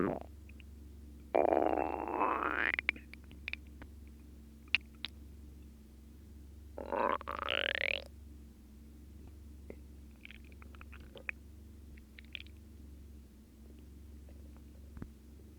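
Two gurgling, squeaky rumbles of gut gas and fluid over a steady low hum; ordinary stomach growling.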